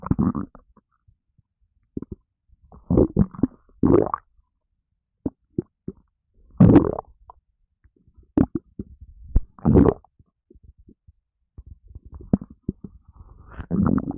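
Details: Stomach after drinking a can of Red Bull energy drink, causing gassiness: bursts of low gurgling and sloshing with quiet gaps between; active bowel sounds, stomach gurgling (borborygmi).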